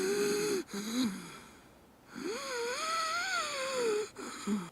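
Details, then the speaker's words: Example sound in an asthma explainer (student roleplay): musical, whistling wheezes on breathing with a long rising-and-falling tone, illustrating asthma's narrowed airways; wheezing. "asma merupakan penyumbatan saluran napas atau peradangan saluran nafas yang berlangsung secara kronis yang ditandai dengan adanya batuk adanya mengi atau wishing"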